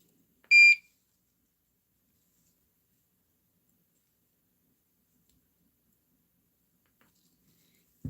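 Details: A single short high-pitched beep, then quiet, from a home infusion pump while setting up a patient's immunoglobulin (plasma-derived) infusion, given every three weeks for hypogammaglobulinemia, a primary immunodeficiency.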